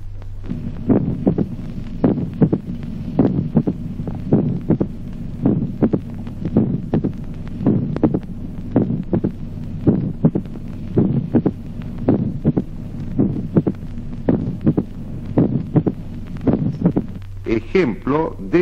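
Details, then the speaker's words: Mitral opening snap with a long interval in sinus rhythm: regular heartbeat near 54 a minute, with an extra sharp sound after the second heart sound. "15 chasquido de apertura mitral de intervalo breve con ritmo sinusal"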